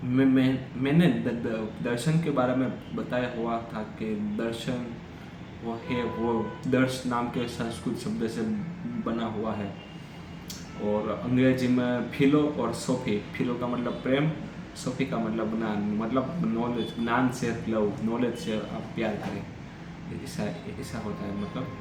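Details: Adult man who stammers, speaking Hindi during storytelling practice on day 7 of a daily fluency practice routine with breathing exercises; stammering.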